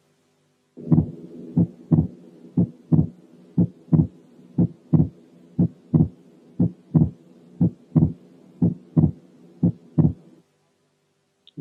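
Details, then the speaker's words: Wide split second heart sound, heard as two clearly separated components far apart from each other. "أوضح وأوضح لأن التو كومبوننتس بعاد عن بعض جدا."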